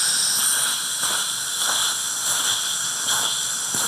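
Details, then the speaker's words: Slow-speed implant drill at 50 RPM, about 10 mm below the bony crest during Bicon SHORT implant site preparation at a first molar space: steady hissing with faint high whine and light rhythmic scraping as it cuts bone. "as you can see the difference in speed and this is 50 revolutions per minute and we are down to a depth of roughly 10 millimeters or so from the crest"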